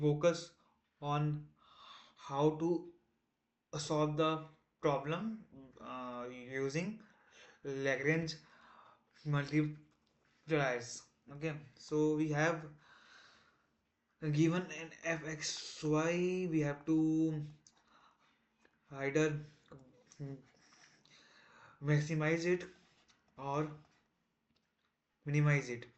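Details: Male self-described person who stammers, day 1 of a 30-day stop-stammering challenge, trying not to stammer while explaining a math topic; stuttering.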